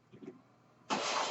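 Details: Own mechanical ventilator of a podcaster born in the mid-1980s, heard while they talk: a faint low murmur, then a sudden loud rushing hiss of air as the ventilator delivers a breath.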